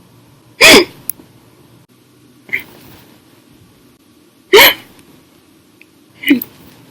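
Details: Hiccups after drinking a bottle of soda following dinner, an episode lasting 1 hour 51 minutes: four sharp, abrupt hiccups, two loud and two softer, about every two seconds against quiet room noise.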